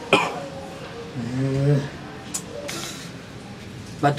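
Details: Cough from a person in an acted skit whose throat has felt itchy for two days despite trying various medicines, heard with background music.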